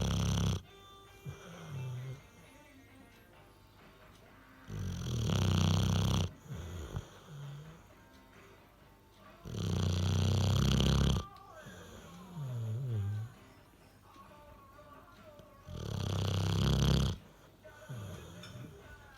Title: Bulldog snoring